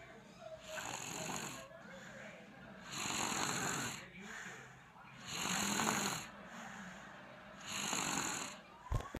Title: Snoring baby